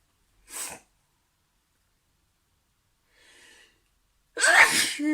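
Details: Sneezing compilation clip: two ordinary sneezes, a light one then a loud full one, separated by a faint breath.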